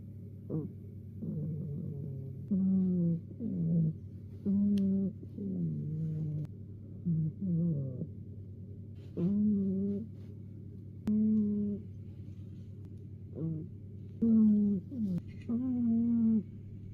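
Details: Napping cat snoring: short squeaky whistling snores rising and falling in pitch with each breath, steady hum beneath; harmless snoring.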